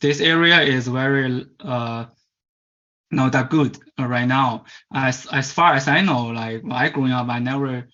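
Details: Stuttering in a Chinese male adult who stutters; as a child of about 10–11 he attended a commercial stuttering "fix" course.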